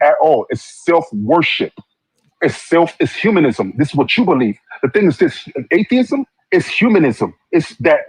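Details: Adult speaker; typical speech.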